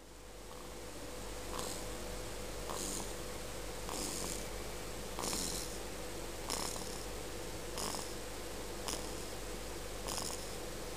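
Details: Soft, regular wheezy snores about 51 a minute against a steady room hum.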